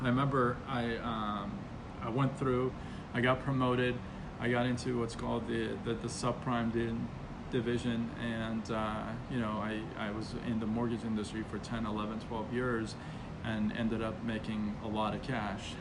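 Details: Stuttering with repetitions and fillers in an adult man, onset around age six, still present.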